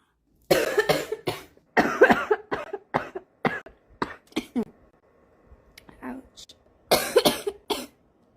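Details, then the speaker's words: Adult smoker's morning cough, craving a cigarette: repeated harsh, rattling cough bursts in clusters, a smoker's cough. "and I'm coughing my lungs are telling me hey you need a cigarette oh I would kill for a cigarette and coffee right now"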